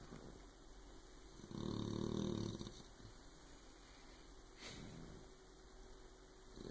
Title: Snoring puppy